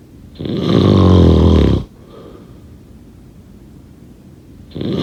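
A loud, low, rattling snore on the in-breath, then a quiet pause before the next snore begins.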